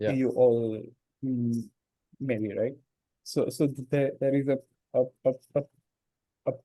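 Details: Man who stammers, in natural speech rather than voluntary stammering, with audible word repetitions; stuttering.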